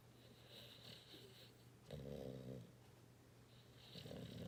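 Low rattling snore on an in-breath, followed by a fainter one, over quiet room noise; ordinary snoring in a sleeping dog.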